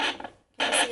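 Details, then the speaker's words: Loud hissing, scratchy static bursts with brief quiet gaps from a home fetal Doppler probe placed low, just above the pubic bone; static when the probe lacks gel or lifts off. "and the other thing is you want to pop this on first before you switch your dopper on otherwise you'll get a really loud static noise"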